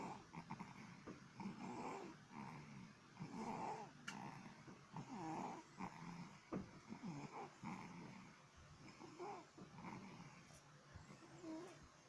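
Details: Sleeping infant aged 2 months 3 weeks: soft, irregular rattling, growly noises with each breath, about 34 a minute; light snoring.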